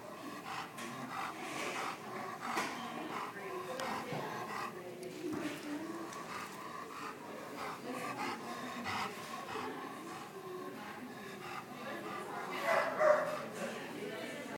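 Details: Dog with laryngeal paralysis: fast, harsh, noisy breathing, inspiratory stridor, contrasting with normal dog breathing.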